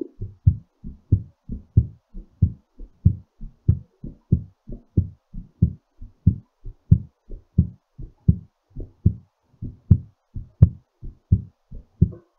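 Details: Brisk, regular lub-dub heartbeat near 90 beats a minute, slowing during recovery; normal heartbeat after exercise.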